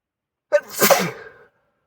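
A single sharp, explosive sneeze with a quick intake and a hissing burst of air.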